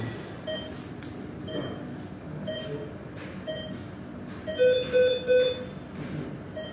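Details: Sound-effect recording of an ICU patient monitor: repeated electronic beeps with a louder three-tone alarm burst over faint room noise.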